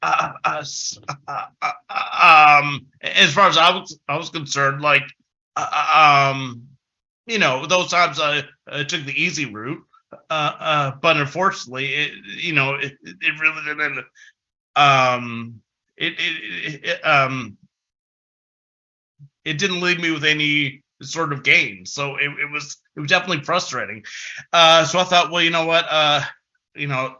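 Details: Adult male with developmental stuttering since about age six, a person who stutters, heard with frequent filler interjections and repetitions; stuttering.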